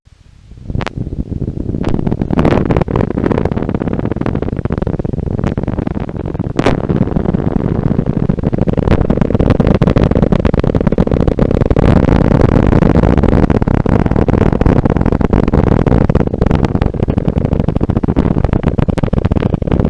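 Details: Needle EMG live trace, screen height 2 mV, with a muscle needle electrode: crackling building from scattered pops into a dense, rough, continuous buzz as the muscle contracts; motor unit activity.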